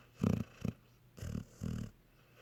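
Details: Low rumbling snorting sounds on each breath in and out from a sleeping dog, sounding like a cartoon dog; snoring.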